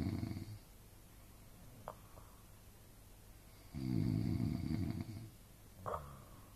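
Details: Adult father and mother snoring while sharing a hotel room; loud, rattling low snores on inhalation with quieter breaths and brief snorts between, in a small room: snoring.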